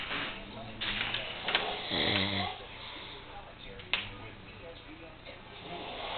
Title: Misguided Steps Snoring Battle